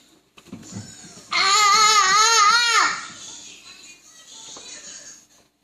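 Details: Soft fussing, then a loud, sustained wavering cry over a second, fading into whimpers; a young child with morning hiccups while watching Teletubbies, possibly after drinking juice too fast.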